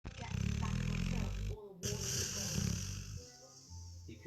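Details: Springer Spaniel in deep, comfortable sleep: loud, rumbling, fluttering breath noises with brief pauses over background noise; loud snoring.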